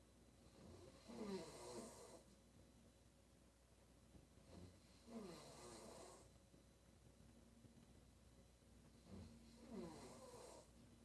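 Three rough, rattling snores on the in-breath at about 15 breaths a minute, with faint background noise; loud snoring.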